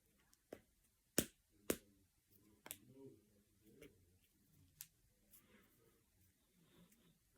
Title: Cracking my fingers and knuckles.￼